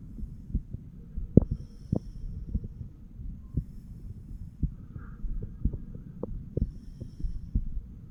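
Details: 34-year-old man's self-auscultation with stethoscope over mitral, tricuspid, pulmonary and aortic areas: soft low normal heart sounds over muffled rumbling background, no clear added sounds.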